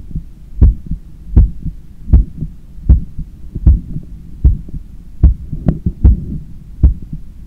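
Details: Own heart sounds via stethoscope after a 10 km run, lying on a daybed turned onto the left side while trying to control breathing: strong, regular beats at about 78/min with breathing noise underneath; normal post-exercise heart sounds.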